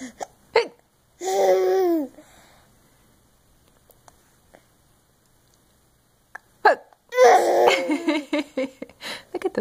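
Baby babbling and cooing interrupted by brief, sharp hiccup clicks at irregular intervals; hiccups in an infant.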